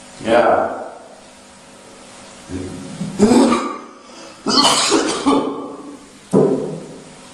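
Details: Adult man coughing, apparently while waking people for the pre-dawn suhoor meal: several harsh coughs and throat clearing in a row in a small room; cough.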